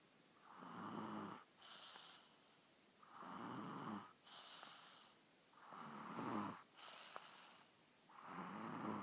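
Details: Sleeping boy snoring after eating chocolate cake, steady rhythm about 24 breaths a minute with quieter breaths out; snoring.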